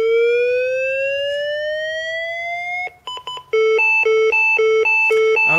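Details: LIFEPAK 12 defibrillator in a simulated ACLS demonstration, synchronized cardioversion set to 100 joules: a steadily rising charging tone, then rapid repeated beeps signalling it is charged and ready to shock.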